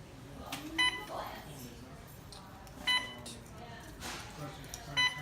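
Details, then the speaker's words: Clear electronic beep repeating about every two seconds over soft room noise and quiet voices: an Alaris infusion pump alarm during setup in the emergency department. "it starts beeping at you you can just hit silence"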